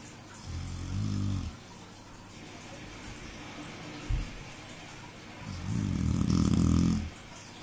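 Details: A dog fast asleep and snoring loudly, as it does most of the night: two deep, fluttering snores about five seconds apart with a brief knock between.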